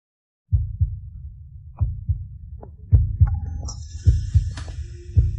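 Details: Slow, deep, regular thumping heartbeat of about 53 beats a minute with background beeping, in a dramatized hospital scene where a young daughter is resuscitated and then declared stable.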